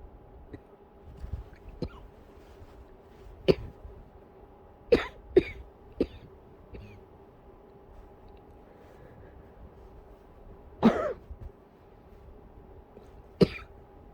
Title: muffled coughing into pillow, trying to be quiet!